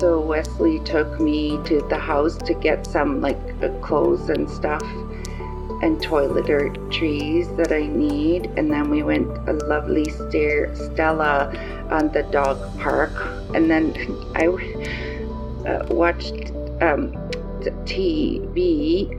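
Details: 54-year-old woman with aphasia after a stroke on November 8, in rehabilitation; word-finding difficulty; aphasia.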